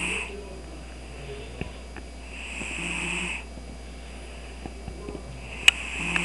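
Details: Cat asleep on a computer desk, giving soft, hissing snores with each breath and some whistling through the nose, in a quiet room: snoring.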